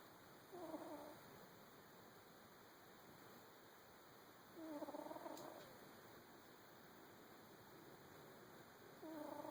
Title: A video of my cat snoring... just because.